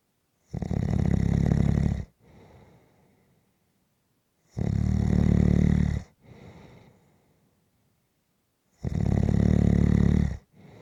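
Loud, rattling snores on each in-breath, three over about ten seconds, with short quiet out-breaths between; snoring.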